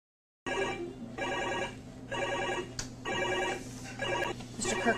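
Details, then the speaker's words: Repeating electronic tonal alarm in bursts from the mechanical ventilator of a ventilated patient, signalling the patient may not be adequately ventilated: mechanical ventilator alarm. "always respond to ventilator alarms sometimes you'll be able to readily identify the source of the alarms other times the cause would be less obvious"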